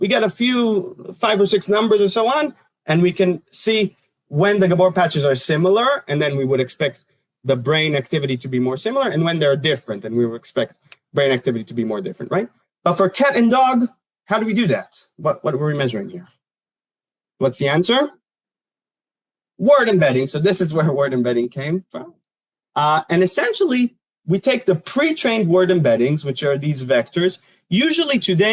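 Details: Adult lecturer; normal speech.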